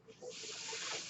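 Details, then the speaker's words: Airflow from the speaker's own mechanical ventilator during a spoken podcast recording: a soft hiss of air swells then holds steady, with faint low voice-like sounds early on. "my name is that noise you're hearing is my ventilator"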